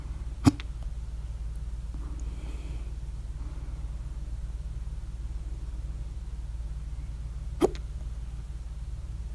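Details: Two sharp, abrupt hiccups about seven seconds apart against low hum; hiccups at 3:04 A.M. after overeating at dinner, mouth alternately closed and open, very loud hiccups with mouth open.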